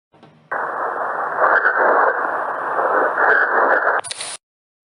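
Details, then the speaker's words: Muffled, nasal, wavering voice sound through the chest wall, ending in a brief sharp click; the bleating, goat-like voice described with pleural effusion; egophony. "o la eufonía se describe como la voz caprina y temblorosa y se produce en patologías como derrame pleural lucha de la siguiente manera"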